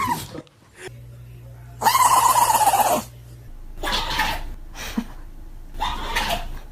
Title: Dog sneezes are just tiny 'achoo' explosions of cuteness 💥🐶#dog #dogs #doglover